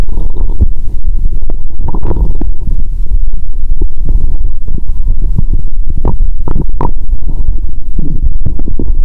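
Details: Own abdomen heard through the recorder's first stethoscope after fasting over 15 hours: active bowel sounds.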